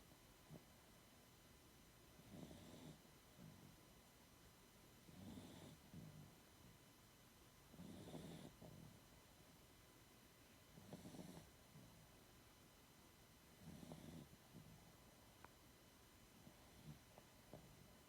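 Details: Sleeping female snoring, said to be louder than the owner's husband: soft, regular snoring breaths about every three seconds, roughly 22 a minute, over a steady electrical hum.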